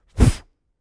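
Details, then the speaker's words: Spoken imitation in a heart-failure lecture of the systolic murmur of mitral regurgitation: a brief breathy whooshing burst representing blood squirting backward through an incompletely closed mitral valve during contraction. "If the mitral valve didn't close all the way, when you squeeze, the blood squirts backward, it goes,"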